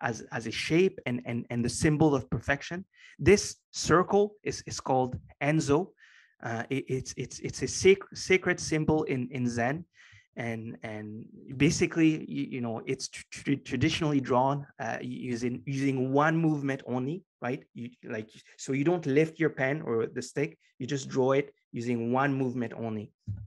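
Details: Adult man with a stutter present for as long as he can remember, long a major life challenge; after years of consistent meditation practice he has more control and it is now barely audible; stuttering.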